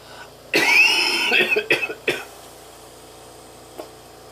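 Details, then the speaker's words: Person with cystic fibrosis who coughs every day, all day, struggling for air: a long harsh cough followed by several short coughs. "at it kind of just has to happen and I have to remember as i'm coughing trying to fight for air i have to remember to get my camera in turn on so that's why that's difficult to catch"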